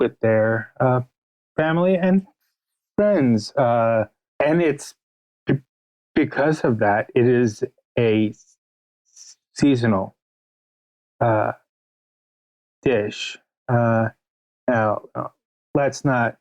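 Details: Adult male writer with a stutter, stated by the interviewer, speaking in an interview; stuttering.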